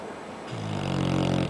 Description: My Rednose Pitbull puppy Lucifer. Sleepnig in his bed after a day of playing outside. Snoring as always.